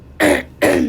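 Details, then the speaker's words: Two short, harsh cough bursts in quick succession from a sick adult speaker in a quiet room; an ordinary cough during illness. "Sorry I'm so sick. Um hopefully the sound of my coughs wasn't too d"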